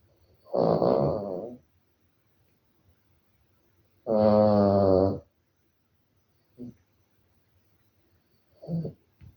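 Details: Maltese dog snoring in its sleep: two long, buzzing, honking snores about three seconds apart, then softer short snorts.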